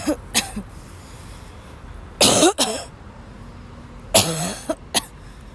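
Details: Bursts of harsh, dry coughing with throat clearing, in clusters of several coughs: a coughing fit in a young woman who woke up sick and had to leave class because she could not stop coughing.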